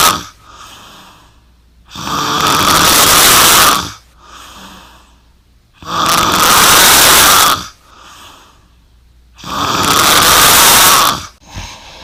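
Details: Loud, harsh rattling snores on each in-breath, about 17 breaths a minute, with quieter out-breaths between; snoring.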